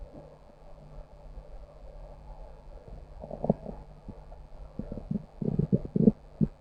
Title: Stomach growl